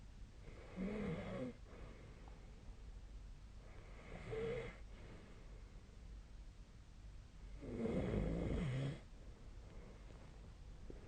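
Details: Snoring sleep sound recorded on a night in February 2025 with the SnoreLab snoring app.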